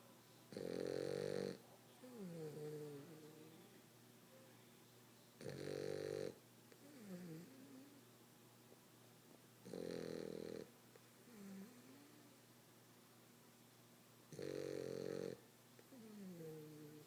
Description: Frenchie Kiara snoring very loud.